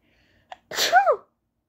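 A short intake of breath, then one high-pitched, partly held-back sneeze.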